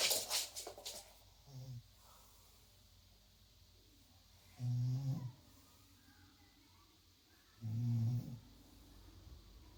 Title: attacking the sun with snoring in the background